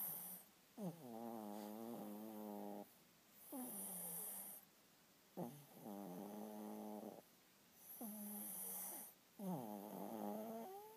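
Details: Snoring rhythmically during sleep, whistling tonal quality on each breath, about 25 breaths a minute.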